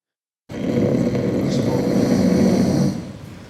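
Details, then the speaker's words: An adult breathing coach imitates snoring with the mouth open while demonstrating breath control: one sustained, low, rattling snore-like throat sound lasting about two and a half seconds. "but you can all make the snoring sound we can all make the snoring no no snoring snor it but then you have to open the mouth"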